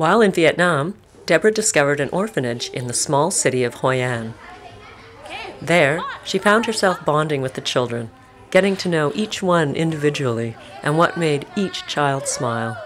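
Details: Adult narrator; normal speech.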